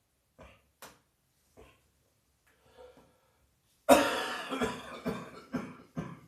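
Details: Adult with a heavy chest cold coughing at night: several soft throat sounds, then a run of about five harsh, forceful coughs.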